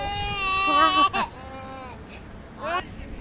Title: crying baby